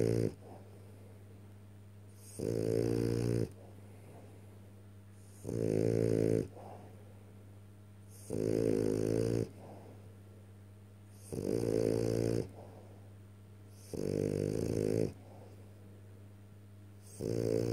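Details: Sleeping French bulldog snoring: loud, regular rattling snores on each in-breath, about 20 a minute, with quiet out-breaths between.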